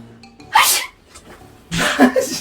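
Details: Simulated sneezes as a prank, pretending to sneeze on a boyfriend: two sharp, breathy, sneeze-like bursts, each after a short intake of breath; these are not real sneezes.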